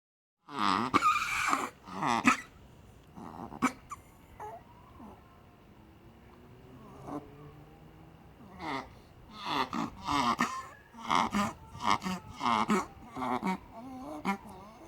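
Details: A Yorkshire terrier's reverse sneezing, bursts of rapid, loud snorting breaths, occurring whenever excited, expecting a walk, or near a female in heat; this episode lasted 48 hours and the dog died hours later.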